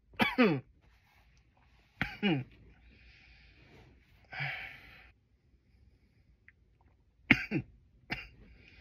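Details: Some loud coughs: four loud, harsh adult coughs, some in quick doubles, separated by quiet pauses, with a breathy exhale between.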